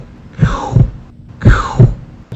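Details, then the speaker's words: Veterinary cardiology teaching: vocal imitation of a protosystolic (early systolic) murmur starting right after S1 and decreasing in intensity before S2; thump, fading whoosh, second thump, repeated twice. "o primeiros um é o protossistólico ele acontece bem no início e entre o S1 S2 ele vai reduzindo sua intensidade basicamente o som é um"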